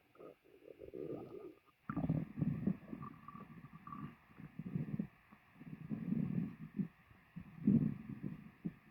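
Gurgling, rumbling bursts with low bubbling and squeaky tones come and go over several seconds: loud stomach growling after a meal.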